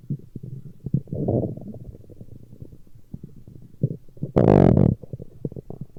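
Low gurgling, bubbling and clicking rumbles with one longer loud growl; ordinary stomach growling from gut movement.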